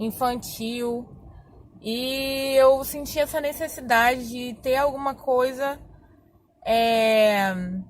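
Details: Adult woman who has stuttered for more than 20 years, speaking Portuguese; stuttering.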